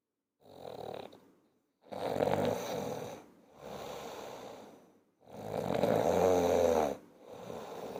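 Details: Human snoring.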